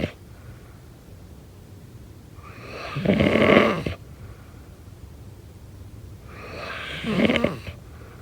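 Two loud, rough, rattling inhalations about four seconds apart with quiet exhalations between, a slow sleep breathing rhythm: snoring.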